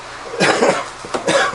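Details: Two short, harsh cough bursts from an adult, then a brief third one; he is testing a portable ultrasonic nebulizer after exposure to heat near 100°F and about 80% humidity.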